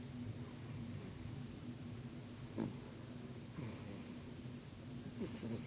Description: My Dog snoring away